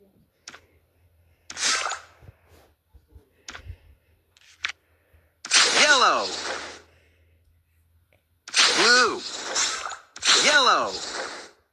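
Three sharp, hissing sneezes with a voiced 'ah-choo' cry, after quieter breaths and sniffs, in a quiet room: repeated sneezing.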